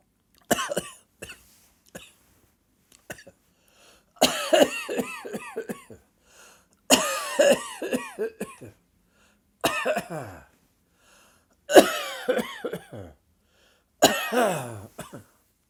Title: Sudden dry coughing fit